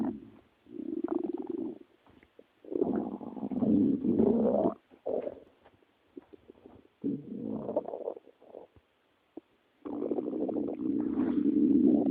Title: My best stomach noises - meine besten Magengeräusche (Germany)